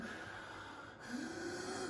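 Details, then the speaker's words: Simulated laboured breathing in a lecture on adult community-acquired pneumonia: a noisy, effortful breath with a snort-like gasp, mimicking a patient using the trapezius and intercostal muscles in respiratory distress. "va a usar los músculos intercostales todo eso me indica de un paciente que tiene dificultad respiratoria"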